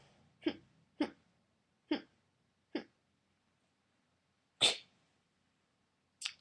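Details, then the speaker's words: Six short, sharp fake sneeze-like bursts in quick succession: a vocal tic in a 17-year-old girl with a tic disorder (Tourette's) diagnosed in 2011, released when tics build up. "I fake sneeze uh-huh that one is a rare occasion though as well so that's only if my tix sort of build up and then I let it out as vocal"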